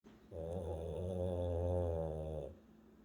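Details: French bulldog snoring while asleep: one long, rattling, low snore lasting about two seconds, the noisy breathing typical of a flat-faced breed.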